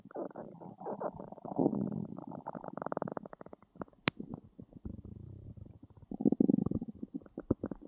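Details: Very hungry person lying on the bed waiting for a meal after a long day: loud, long gurgling and rumbling stomach growls in a quiet room, ordinary hunger borborygmi.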